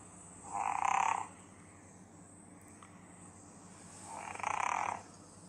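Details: Sleeping cat snoring: two fluttery, rattling snores about four seconds apart over quiet room noise.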